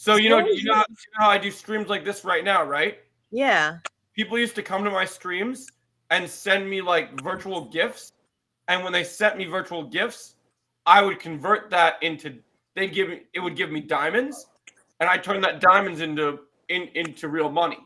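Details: Adult speaker; Normal speech.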